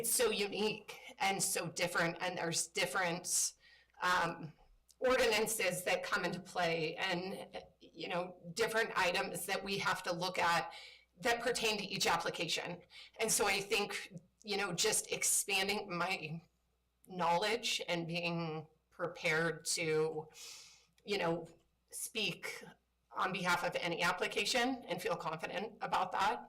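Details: Woman who states she has spasmodic dysphonia, a voice disorder she calls a brain disorder that kicks in sometimes when she speaks; spasmodic dysphonia.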